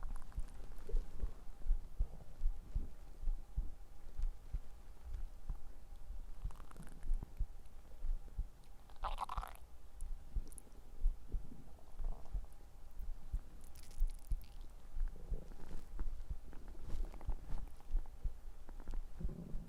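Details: Dog's belly: low rumbling and gurgling bursts of ordinary stomach growling, borborygmi, from gas and fluid moving through the gut.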